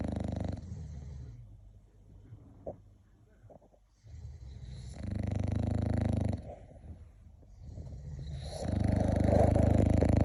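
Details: English bulldog sleeping, with loud, low, rattling snores, about three breaths in ten seconds; snoring.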